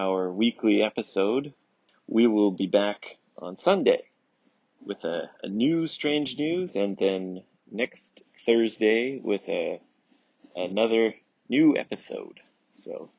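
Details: Adult male speaker; ordinary speech.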